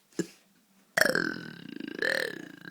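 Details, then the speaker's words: Burping by brothers: a brief croak, then two long, loud, rumbling burps, each a drawn-out belch of swallowed air. "about my belly. Oh, that was just loud."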